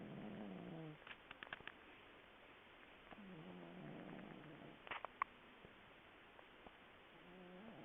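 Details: Sleeping cat snoring: soft, low, purring snores on each breath, with a few faint clicks and rustles between them.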